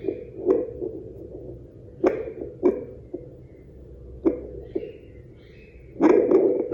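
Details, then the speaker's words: Handheld fetal Doppler (low-cost home device) touched against the hand: irregular scratchy "cret cretet" crackles and bumps over steady hiss, contact noise from skin vibration because the probe is very sensitive. "kalau kalau ada kayak getaran-getaran kulit itu jadin kayak ada bunyi cret cretet gitu ada bunyi berisik gitu"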